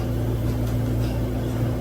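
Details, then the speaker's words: Continuous low mechanical hum of a home oxygen concentrator warming up, with no other sounds. A home care provider is setting it up, with nasal tubing, for a one-month-old baby. "It's just that initial time warming it up. There it goes. So yeah, it just builds it up, and once it senses that it's given out the high enough level of oxygen, it turns to green."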